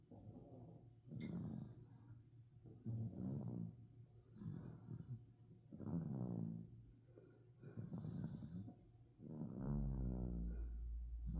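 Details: Overweight dachshund snoring: repeated low, fluttering snores with each breath, about five breath cycles in eleven seconds; loud dog snoring.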